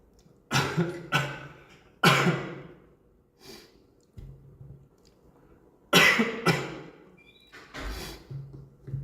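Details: Adult coughing and clearing the throat: about six short, sharp cough bursts mixed with softer throat clearing in a quiet room.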